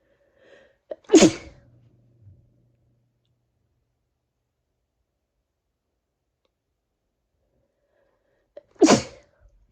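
Two loud, sudden sneezes with a long quiet gap between them, each preceded by a brief catch of breath.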